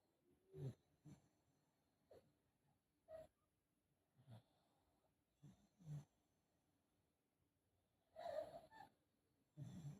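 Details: A foster pug, recorded around BOAS surgery (before or after), makes repeated low, rattling snorts and snores with each breath, like an obstructed flat-faced airway; snoring.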